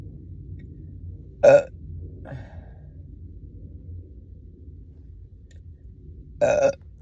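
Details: Two loud, short voiced burps about five seconds apart, with a faint smaller one between; bloated belching after chugging a soda on a stomach empty all day.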